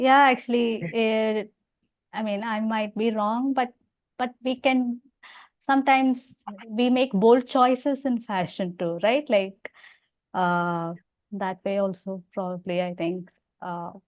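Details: Adult woman who stammers and also has hearing loss; repetitions and fillers are audible; stammering.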